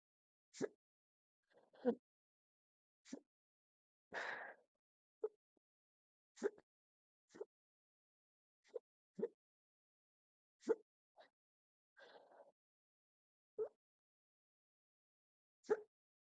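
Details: Induced hiccups filmed from a stomach view: quiet, sharp hiccup-like catches about every second, irregularly spaced, in near silence; repeated hiccups.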